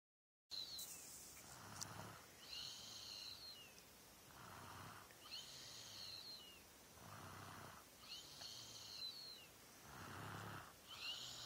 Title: Snoring babee